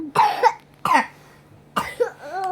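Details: Three short, harsh coughs from a child in a quiet room; cough.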